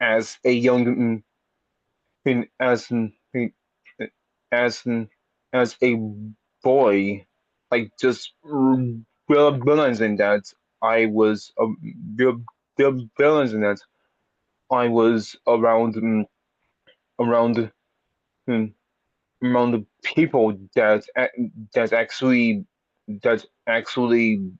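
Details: Stuttering in an audience member who has had speech therapy for a speech impediment; repetitions and revisions heard.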